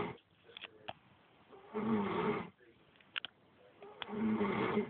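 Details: Loud, rough, rattling snores on two breaths, with quiet gaps between them: very loud snoring from a sleeping adult woman.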